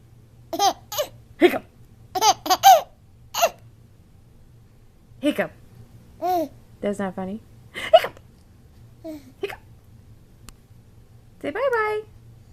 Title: Baby Laughs at Hiccups